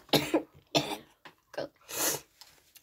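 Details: Child who says he is sick and doesn't feel well, talking while playing a Minecraft game, gives several short coughs and clears his throat in a small room; cough.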